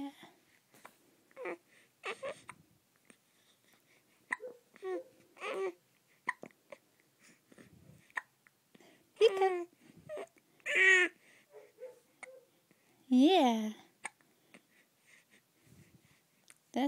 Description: Cute baby hiccups! Five weeks old.